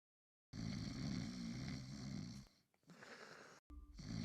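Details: Simulated snoring sound effect for an animated Gacha Club character, a 15-year-old girl (Umaru): a long, buzzing snore, a pause, then another snore.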